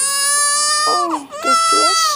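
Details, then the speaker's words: Infant crying in a high, tonal voice, broken by a brief sharp sneeze burst, then crying resumes; sneeze during crying. "you just us all that was called a sneezy but just sneeze nobody calls it though"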